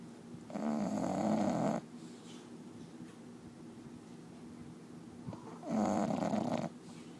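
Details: Sleeping bulldog snoring: two long, loud, rattling snores on the in-breath with quieter breathing between, typical of a flat-faced dog's noisy airway.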